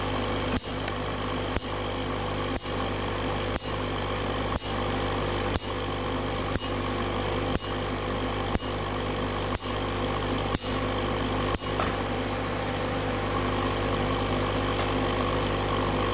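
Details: TattooStar Q-switched laser tattoo removal at double fluence: sharp snapping pulse clicks once a second, twelve in all, over a steady machine hum.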